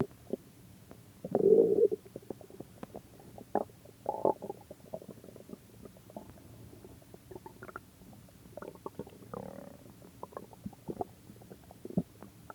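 Gurgling, bubbling stomach growls with one louder rumble and many small pops and squeaks; ordinary bowel sounds.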